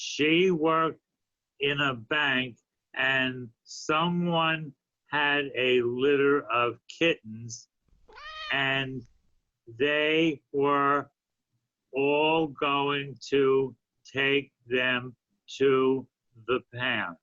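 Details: Adult man with aphasia after a stroke a few years earlier, reading aloud a story he wrote in an intensive reading and writing therapy program; aphasia.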